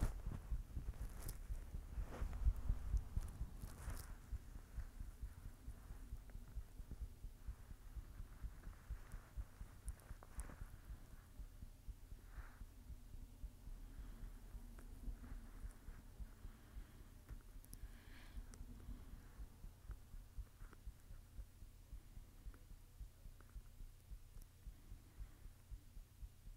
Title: My Heartbeat ☺️💓